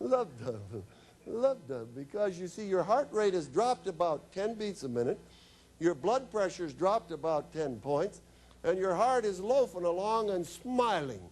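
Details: Woman whose larynx was removed, followed by radiation and chemotherapy, speaking with an electrolarynx, a battery device held against the throat that makes a beeper sound she articulates into speech; electrolarynx speech.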